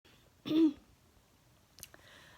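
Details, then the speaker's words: Person with persistent hiccups despite repeatedly holding breath, while working on an art project: a single short, abrupt voiced catch followed by quiet; hiccup. "it's like I've held my breath 500 times and hiccups just keep coming"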